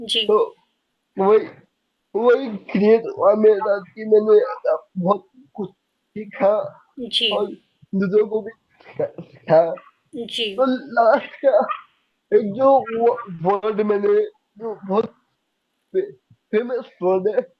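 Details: Young adult man with cerebral palsy since age 2; could not speak as a child and still needs double effort to speak, cannot say things clearly; dysarthria (cerebral palsy).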